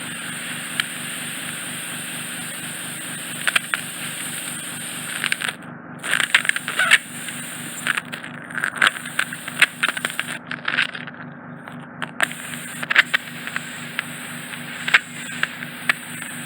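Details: Microsuction ear wax removal in a traumatised ear: steady suction hum with irregular crackling and sharp pops as wax is drawn from the canal; eardrum reportedly fully visible, possibly slightly retracted, with some peripheral wax remaining.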